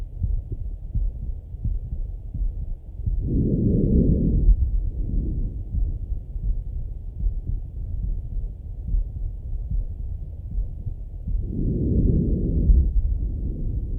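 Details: Male chest auscultation with stethoscope: muffled low heartbeat under a steady rumble, with two slow breath swells of about eight seconds each; normal heart and breath sounds.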